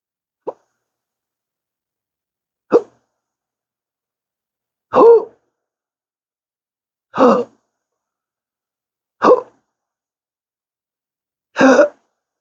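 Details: Persistent hiccups: six sharp, abrupt hiccups in about twelve seconds with uneven gaps, worse when talking, in daily 12-hour episodes with occasional burps, a rare condition present since December 2015 after a surgery causing nerve damage.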